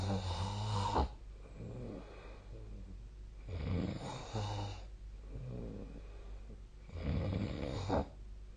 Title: 🐽 本日のイビキ / Snoring Sleep Sound 2025/02/05